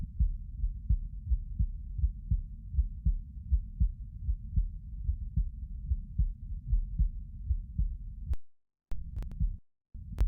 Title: 寝そべり心音 Lying heartsound